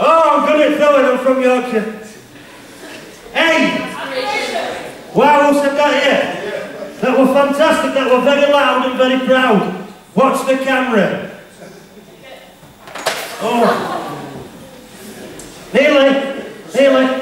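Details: Stuttering (stammer) in an adult male speaker who has had speech therapy.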